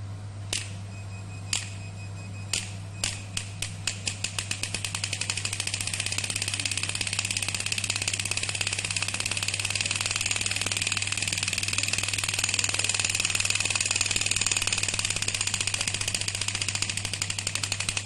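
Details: Radial pneumatic shockwave therapy device (10 bar, digital touch screen, 10 treatment settings) delivering pulses: sharp clicking pulses that start spaced out, then speed into a fast, steady rattle over a low machine hum.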